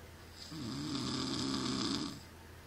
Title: He says he doesn't snore